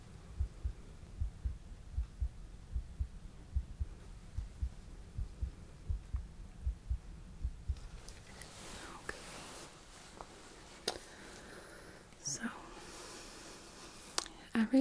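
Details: Simulated ASMR ER exam of patient with racing, pounding heart, pulses checked at brachial and radial sites: steady, regular soft pulse thumps at about 65–70 beats a minute, then rustling handling noise; pulse sounds normal.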